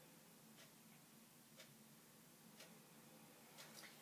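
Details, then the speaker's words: DreamStation CPAP/BiPAP running with the mask sealed and no leak: only a soft, steady airflow hiss with faint ticks, no whistling or rushing air. "and usually you will hear a sound of a leak so if there's a leak you're going to hear it if not this is how quiet it actually"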